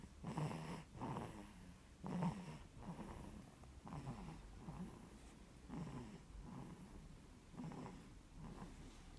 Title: Sleepy snoring 😴 baby